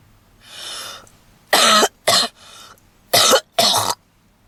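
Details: Redhead woman smoking a cigarette in a car; harsh, repeated coughing in short bouts with breathy inhalations and wheezing between; smoker's cough.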